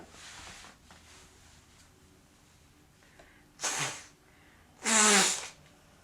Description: Today I went to the gym and I was sneezing a lot . I don’t know what I was allergic to , maybe : dander , pollen , grass I have no idea.